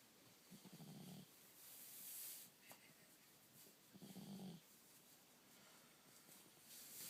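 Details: Cat snoring while lying peacefully asleep under a pile of socks.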